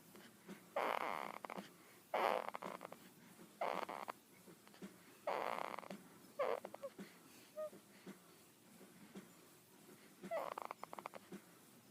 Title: Baby snores are the cutest!